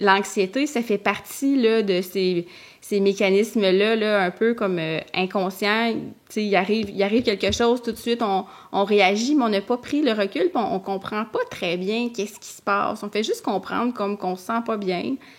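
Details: Adult woman who stutters, a master's candidate in speech-language pathology, speaking in French; stuttering.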